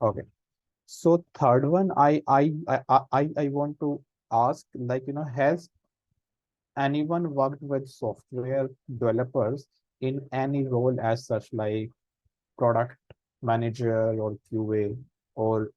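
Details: Adult man who stammers, senior volunteer of a self-help association of people who stammer, with audible word repetitions in an online talk; stammering.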